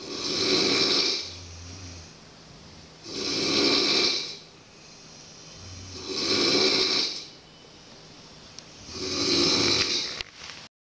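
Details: Sleeper at a boarding school in Llifén: loud, rough snores about every three seconds, roughly 20 a minute, with quieter breathing between. Finding: snoring.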